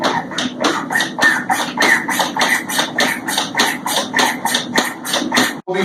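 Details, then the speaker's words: A LUCAS mechanical CPR device compressing the chest in a simulated in-hospital code: steady rhythmic mechanical thumping with hissing at about 100 a minute; mechanical CPR device compressions. "we will start compressions again i will lock this side into place okay ready stop we will pull the pads off the patient into place set to compress down and start"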